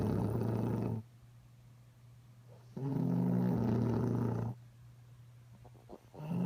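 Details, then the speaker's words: Snoring that keeps someone awake: two loud, low, rattling breaths separated by quiet pauses. "and you wonder why I can't get any sleep around here for"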